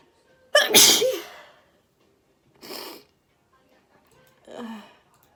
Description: Uncovered and loud chhinkni sneezes and surfing Flymer :3